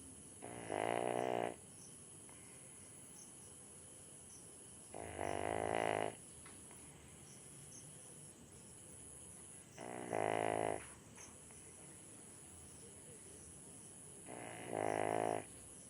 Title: Dog snoring 😴 #viral #shorts